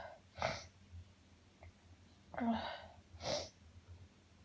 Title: Uncontrollable Sneezing Fit